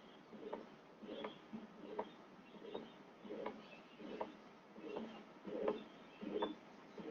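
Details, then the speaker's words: Simulated pericardial friction rub imitated by a lecturer: repeated short scratchy rubbing sounds about 80 a minute, described with pericarditis, pleuritic precordial pain worsening on inspiration, and cough. "Presenta tos, el dolor es pleurítico, es como si la pleura le estuvieran hincando, y se asocia al frote pericárdico que, bueno, acabamos de escuchar."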